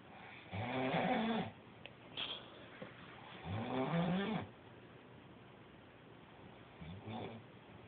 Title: Snoring like Frankenstein